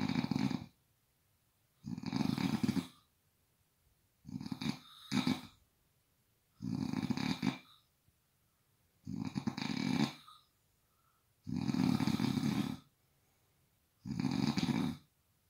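Loud, rough, rattling snores at a steady rhythm, about seven in fifteen seconds, roughly 26 a minute, with quiet pauses between.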